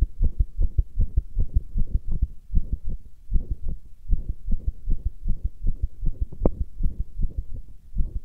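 Deep, steady thumping heartbeat at about 78 beats a minute, with a low muffled throb under it.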